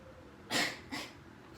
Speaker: Nah, sudah Mbak, itu tadi tindakan latihan nafas dalam dan batuk efektif yang bertujuan untuk mengeluarkan sengkrat atau dahak yang ada di dalam Mbak.